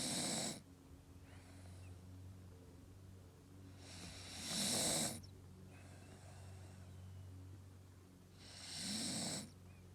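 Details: Staffordshire bull terrier asleep: regular loud snorts at about 13 breaths a minute, each a harsh noisy rush of air, with a steady low hum between them; snoring.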